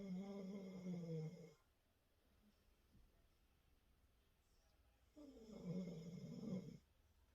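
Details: Dog snoring while asleep beside its owner: two long, low, rattling snores separated by a quiet pause, ordinary snoring.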